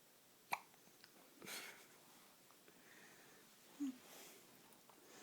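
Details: Two brief, abrupt infant hiccups, separated by a soft breath, in a quiet room.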